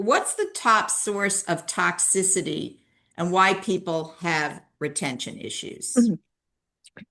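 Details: Adult woman; ordinary speech.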